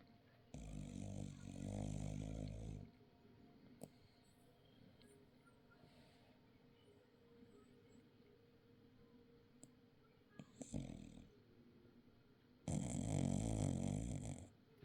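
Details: A person snoring: two long, loud, low rumbling snores separated by quiet room noise, with a shorter burst between them; snoring.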